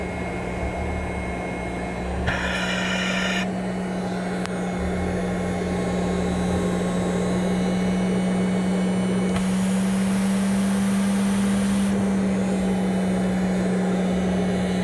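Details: Steady motor hum and blower noise with occasional bursts of airflow hiss from a running Respironics CA-3000 Cough Assist: mechanical insufflation-exsufflation device running.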